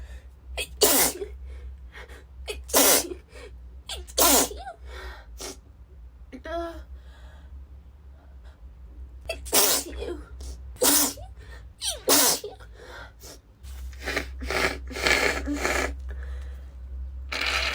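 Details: A woman with a cold sneezes constantly, unable to stop even while blowing her nose: a run of about eight forceful sneezes with quiet pauses over a low room hum.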